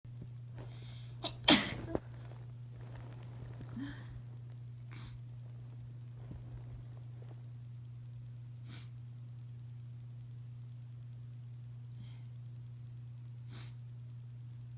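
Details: Adult sneezing after pepper exposure while cooking dinner: one sharp sneeze early on, then soft sniffs and breaths over a steady low electrical hum; short sneezing fit.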